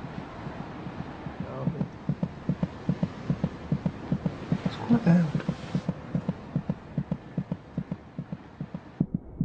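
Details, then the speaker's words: Fetal heartbeat at 26 weeks of pregnancy, heard by putting an ear to the mother's abdomen: rapid, regular soft thumping at about 150 beats a minute, with a brief rustle midway. "now it's possible to hear the fetal heartbeat just by putting an ear to the mother's abdomen"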